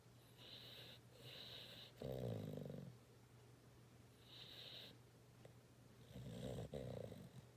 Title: Snoring And Twitching (3-31-19)